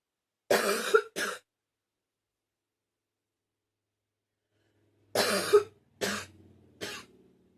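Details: Repeated harsh coughing, bursts in pairs separated by a pause, five coughs in total, followed by groans of pain.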